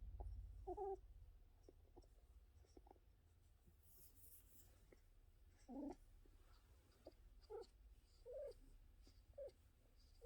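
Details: Whimpering vocalizations mixed with purring, heard right after a bout of coughing.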